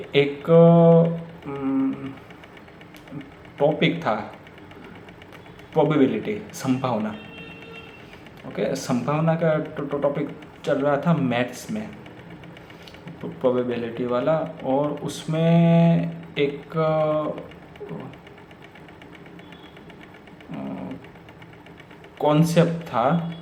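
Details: Real stuttering (stammering) in an adult man speaking Hindi, who says overthinking makes his stammer stronger.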